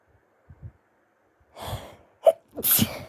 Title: Sneezes from the tail end of a flu. Late night sneezes so trying to be quiet... 😅😇🤧